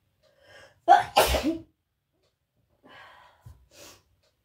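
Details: Two quick, wet, snotty, spluttering sneezes with a sharp intake of breath, then softer snuffles; wet sneezing in a cat.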